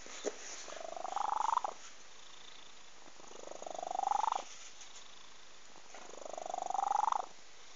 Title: Γάτος που ροχαλίζει... (Cat snoring)